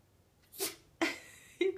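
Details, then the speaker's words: Quick hissing sneeze, brief snort and short squeak from a Yorkie dog in a quiet room; owner attributes sneezing to allergies. "that you got the allergies lucy you got the allergies god bless you god bless you you got the allergies"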